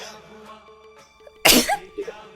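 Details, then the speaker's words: Staged comedy office sketch in which an employee sneezes while the boss shouts at him: a single loud, explosive sneeze over background music; simulated sneezing. "देखो संजय दत्त जैसी body पाली हुई है और ये राजपाल यादव जैसे छोटी-छोटी छीके मार रहा है सॉरी सर सॉरी सर"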